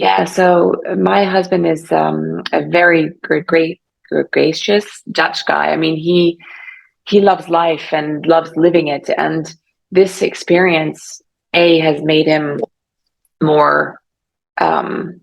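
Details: Aphasia in an adult woman about 3.5 years after a stroke caused by carotid artery dissection; aphasia was severe early on, persists, and she is still in speech therapy.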